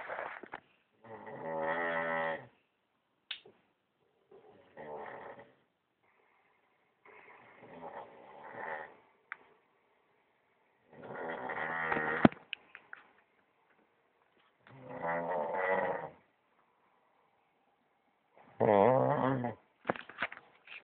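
Loud, rattling snores on each breath in, about six in twenty seconds, with quiet pauses between them.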